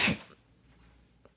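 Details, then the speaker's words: Single short, harsh, hissing cough burst from a female cat with hairball and constipation problems, poor hydration and food sensitivities, followed by quiet room; hairball cough. "That's literally a cough because she struggles with hairballs. Did you hear that? It's horrible."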